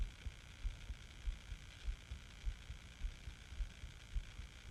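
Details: Self-recorded heartbeat of a person sick with the flu; steady soft thumps at roughly 100 to 110 beats a minute over a constant hiss; regular, somewhat fast heartbeat.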